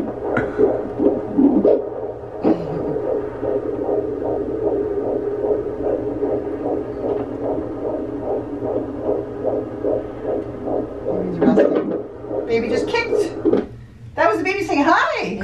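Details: Rapid, regular whooshing fetal heartbeat on Doppler at a doctor's appointment, heard for the first time in this pregnancy, about 150 beats a minute, within the normal fetal range.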